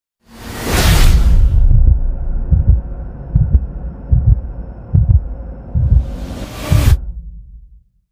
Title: Swoosh Heartbeat - Sound Effect No Copyright